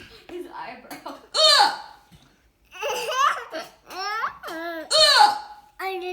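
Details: Mother's hiccups while her young child reacts: abrupt, squeaky hiccup sounds partly masked by the child's giggles and laughter. Hiccups.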